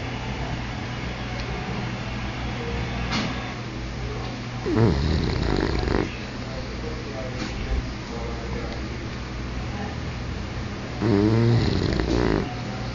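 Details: An English bulldog snoring in sleep: two loud, rattling snorts about six seconds apart over a steady low rumble of breathing. Finding: snoring.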